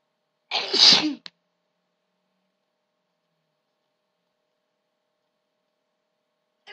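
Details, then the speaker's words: One loud, explosive sneeze followed by a brief catch of breath, then silence; ordinary sneezing in a recording of stifled and big sneezes. "I'm sorry, I gotta let him out. They're just too big."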